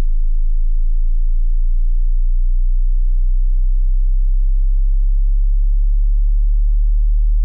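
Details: Hearing test tone for checking audible frequency range: a steady, very deep, unchanging low-pitched pure tone.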